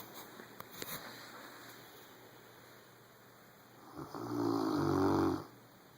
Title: Our Rottweiler Boomer Snoring Loud